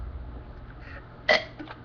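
A single sharp, abrupt vocal catch over low background rumble, fitting a hiccup.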